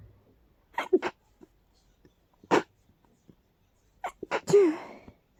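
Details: Person with allergies, stuffy all day, in a powerful sneezing fit: a run of forceful, partly stifled sneezes with sharp inhaled catches before them.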